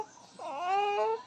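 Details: Hungry infant crying for mother while she bathes: a short rising then sustained wail, a typical hungry cry in a small room, and the baby choked slightly while crying; infant cry.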